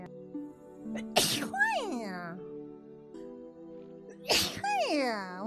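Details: Sneezing by a VTuber, from a compilation: two sharp, high-pitched sneezes, each followed by a squeaky vocal sound, over background music.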